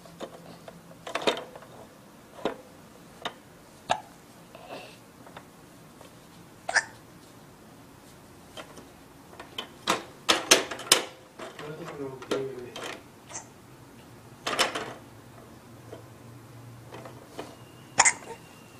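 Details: A 4-month-old baby playing in an exersaucer makes repeated short, sharp catching sounds, about a dozen in under twenty seconds, with faint toy clatter and quiet room noise: infant hiccups.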